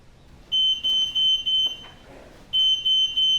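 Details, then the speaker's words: ADVANTA 2 Med-Surg bed training demonstration, bed exit alarm set to the most sensitive positioning mode for a very high fall-risk patient who tries to get out of bed unassisted; loud, high-pitched repeated beeps in bursts: hospital bed exit alarm. "patient attempted to get out of bed unassisted the bed exit alarm was triggered as a caregiver you return to the room and attend to your patient when appropriate"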